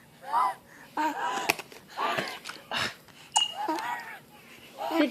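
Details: Sick infant eagerly drinking water from a bottle, making high, whistling, musical sounds with each breath between gulps; wheezing.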